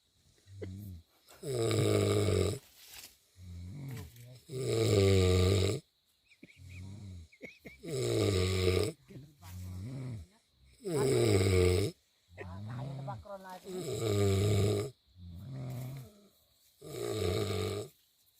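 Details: Sleeping person: loud, rough, voiced snores in pairs of short and long sounds, about 20 a minute, separated by quiet gaps; snoring.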